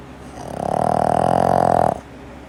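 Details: Boston terrier dog snoring: one long, loud, rattling snore with a rapid flutter lasting about a second and a half.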